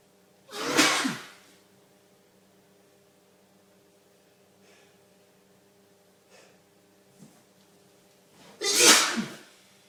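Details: Adult male sneezing helplessly with watering eyes and streaming nose: two loud, explosive sneezes separated by quiet breathing.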